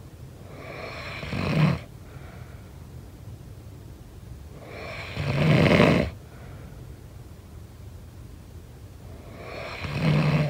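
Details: Snoring during sleep: three loud, rough snoring breaths, about 14 a minute, with quiet exhalations between, in a quiet room.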